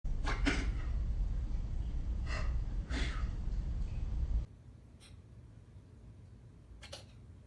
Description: Tobycat Sneezing Cat Hiccup Slowed Down And Reverse